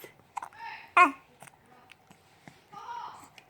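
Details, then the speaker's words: Baby makes soft babbling sounds and one sharp, brief voiced 'hic' in a quiet small room: infant hiccups. "who has the hiccups who has the hiccups who has the"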